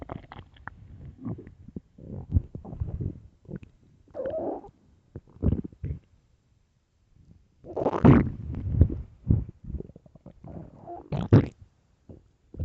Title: extreamy loud empty deep stomach growls part 3